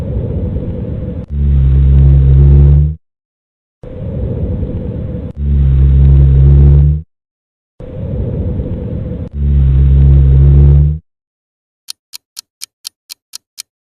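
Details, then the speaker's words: Lung auscultation training exercise: low-pitched, snoring continuous sounds over three breaths at about 15 per minute, rhonchi. "Resposta: Roncos."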